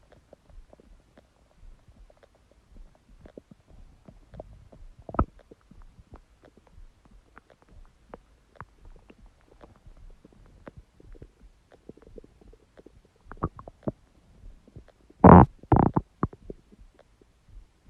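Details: Empty stomach growling: scattered faint gurgles and clicks building to a couple of loud gurgling rumbles near the end; borborygmi.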